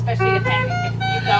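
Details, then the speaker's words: Ventilator (PB 840) high-priority alarm: rapid run of bright, stepping electronic tones over a steady machine hum; red on-screen alarms signal high priority, sounding different from lower-priority alarms. "I'm going to show you the differences in the alarms but this is high priority you can tell by the sound of it"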